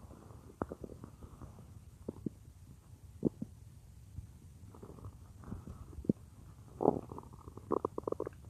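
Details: An adult woman's stomach heard as if lying on it while she works at a computer: irregular loud gurgles and rumbles; ordinary bowel sounds (borborygmi).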